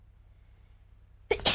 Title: sneeze in GTA